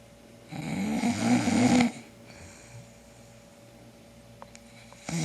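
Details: Man snoring, poster suspects borderline sleep apnea: one loud, rough, vibrating snore on breathing in, then quiet breathing with faint room noise; snoring.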